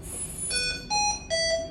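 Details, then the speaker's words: Hamilton-C1 adult ventilator in a training demo: repeating high electronic alarm tones as the peak pressure hits the high-pressure limit, so the full breath cannot be delivered and volumes drop. High-pressure alarm. "so basically what that's telling me is that i'm hitting my pressure and it can't go any further so it's not able to deliver my breath because my volumes are going to get lower too"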